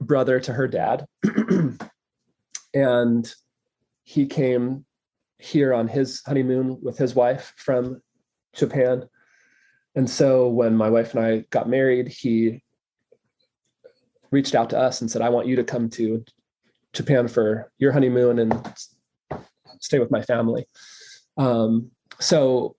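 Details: Stuttering in an adult male filmmaker, real conversational speech left unedited so his disfluencies are kept.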